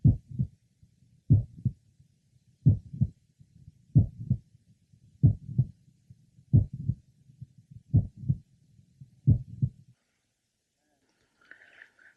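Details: Young man with mitral valve prolapse, heard again at the apex: mid-systolic click followed by a late systolic murmur.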